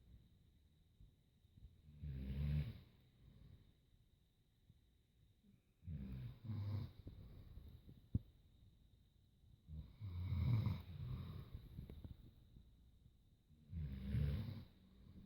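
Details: Low, rumbling snores at irregular intervals, roughly 16 a minute, over a faint steady whine in the room; snoring.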